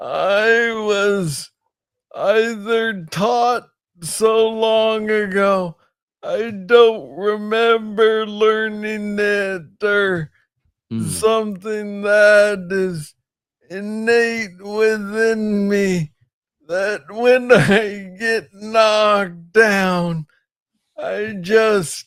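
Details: Man with Parkinson's disease, diagnosed in 2014 at age 35 after it was first misread as tennis elbow; real conversational speech, noted as slow; Parkinsonian speech (hypokinetic dysarthria).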